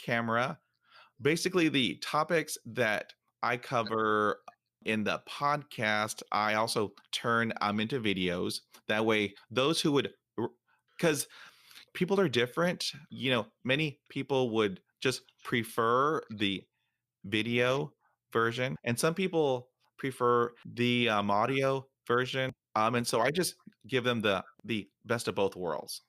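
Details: Stuttering in an adult man who stutters and hosts a stuttering podcast.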